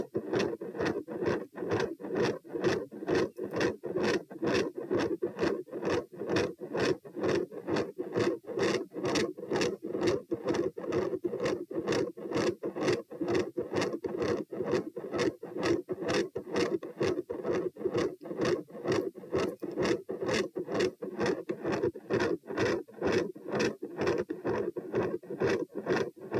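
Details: Heart auscultation stress test at position P, rates 90-102-132-78 bpm while lying, sitting, standing, then lying, in hot weather: fast regular beats, rough systolic whoosh, mid-systolic murmur with very loud S2.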